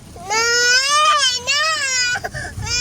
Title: Crying baby